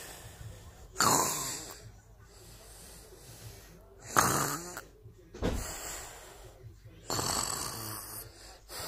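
Loud rattling snores recur every few seconds, some with a whistling edge, separated by quiet pauses; snoring.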